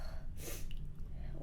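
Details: A single short, sharp sneeze from a person with a runny nose, over a steady low background hum.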